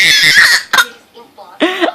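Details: A 5-month-old baby boy coughs deliberately and playfully, with a couple of harsh, breathy cough bursts, then short voiced cooing sounds: voluntary infant cough.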